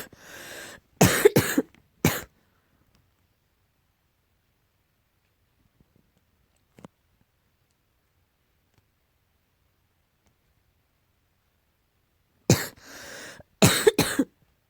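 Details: Cough tagged as allergy-related: two bouts of repeated harsh coughing separated by silence.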